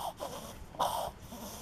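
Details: Rapid, harsh snorting inhalations through the nose, reverse sneezing, in a dog after coming in from outdoor winter smoke; owner suspects smoke allergy with particles caught in the nose.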